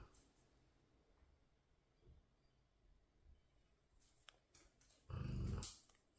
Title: Cane Corso Snores So Loud He Doesn't Hear Intruders🙈 Blade loves to sleep🐕♥️ #dog #doglover #shorts